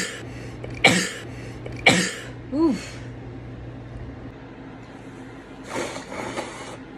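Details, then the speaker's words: Person who finally got themself to sneeze, apparently in a car: two sharp explosive sneezes about a second apart, a brief voiced sound, then a softer sneeze later. "oh my gosh i finally got myself to sneeze"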